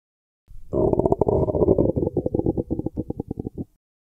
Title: stomach sounds free sound effect